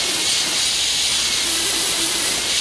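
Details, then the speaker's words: High-speed dental handpiece with a diamond rotary instrument on a dentiform mandibular molar (simulated full cast gold crown prep), making the horizontal occlusal cut into the marginal ridges: a steady high-pitched whine and hiss. "This cut can then be extended into the marginal ridge areas, and this cut will serve as a guide for the placement of the other grooves."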